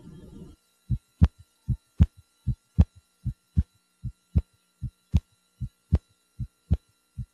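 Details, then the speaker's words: Auscultation at the pulmonic area with the patient lying, the best position to evaluate second heart sound splitting: regular paired heart sounds at about 77 beats a minute; normal heart sounds. "oscilation in the pulmonic area with the patient lying is the best position to evaluate splitting of the second heart"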